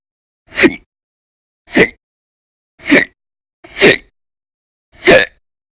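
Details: Persistent hiccups: five sharp, loud voiced hiccups about every 1.1–1.3 seconds in a quiet room, from episodes of violent, very loud hiccups lasting many hours a day in December 2019.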